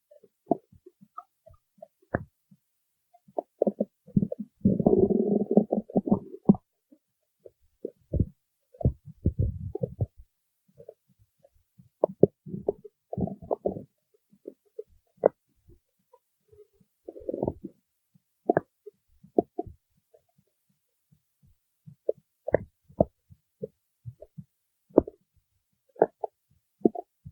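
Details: Stomach growling: irregular gurgles, pops and longer rumbling bursts from the abdomen.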